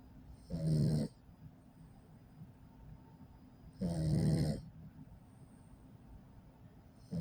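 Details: Low, rattling snores, about 18 a minute, from a sleeping 8-week-old Pit Bull puppy after a 2-mile walk, with quiet breathing between snores; ordinary snoring.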